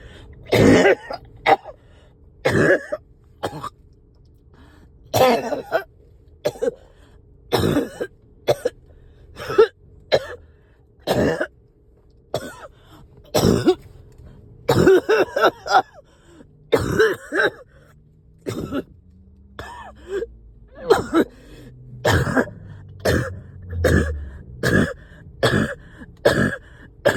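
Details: Coughing fit while riding in a car, with phlegm stuck: repeated harsh, wet, productive coughs and throat clearing in runs, over low road noise.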